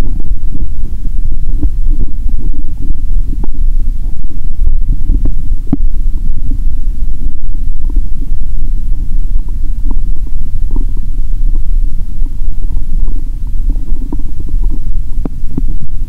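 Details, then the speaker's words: Low rumbling and gurgling with brief clicks through a stethoscope on the abdomen of someone hungry around noon, before drinking cola with Mentos; ordinary bowel sounds. ""Tận hưởng âm thanh của dạ dày của bạn ♪"."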